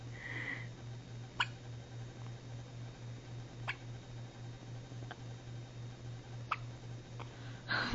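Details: Newborn baby boy, one day after birth, during his first bout of hiccups: several brief, sharp, squeaky-toy-like hiccup sounds at irregular intervals over a steady low hum; infant hiccups.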